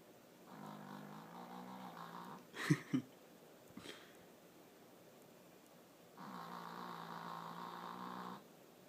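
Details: Female dog snoring in her sleep with an unusual sound: long, low rattling snores with a few soft snuffles between.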